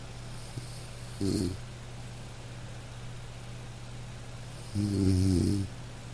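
Two soft buzzing snores over steady rain; gentle snoring of a sleeping dog.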